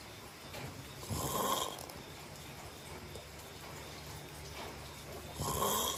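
Two rough, rattling snores during slow breaths in about six seconds, over steady room noise. Ordinary sleep snoring.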